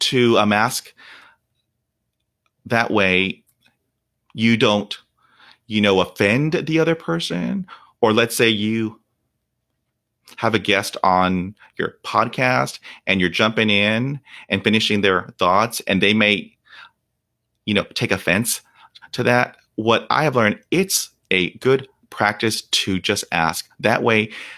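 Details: Real, unedited speech of a 48-year-old man who has stuttered for 43 years. Onset was at age five, when shock/trauma from a dog attack left him at 0% fluency. He reports blocks without breathing, trouble with S, H and P sounds, and facial tics. Stuttering.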